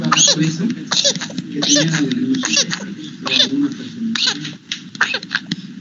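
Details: Child infected with whooping cough (pertussis), paroxysmal coughing attacks: rapid run of harsh coughs with high, strained intakes of breath between bursts; paroxysms described as more pronounced in babies, with cough attacks up to 50+ times a day.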